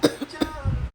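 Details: Adult gives a quick run of about three short, dry cough bursts, acted for a comedy skit.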